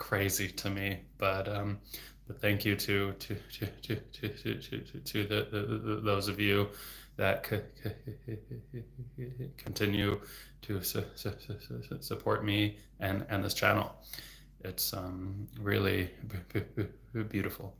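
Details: Stuttering with sound and word repetitions in an adult male speech-language pathologist who has stuttered since about age eight or nine; severity varies from day to day.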